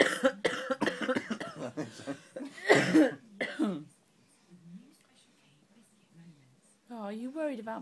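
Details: An ill mother gives a run of harsh adult coughs with one louder burst, followed by soft infant sounds and her baby son laughing: cough.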